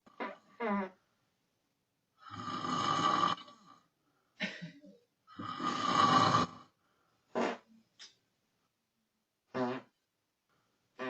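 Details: An adult sleeping, apparently a spouse: two long, loud rasping snores separated by pauses, with short grunting and flatulence-like bursts between them. Snoring during sleep.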